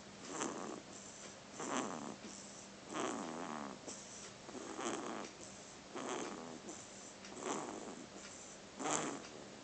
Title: Snoring baby